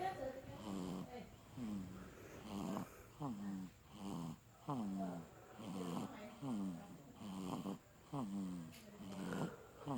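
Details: Soft, regular snoring with a voiced, rattly quality on each breath, about 17 breaths a minute, in a sleeping baby; snoring.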